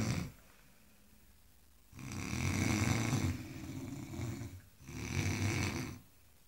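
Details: Engineers napping after a tiring day: deep, rattling, fluttering snores with quiet pauses between breaths during sleep.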